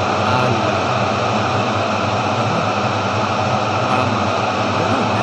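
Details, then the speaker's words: Speech-in-noise hearing test demonstrated on radio, same word played with background noise: steady, dense roaring noise with faint traces of a voice buried underneath. "bon maintenant je vous mettre la même chose avec le bruit de fond"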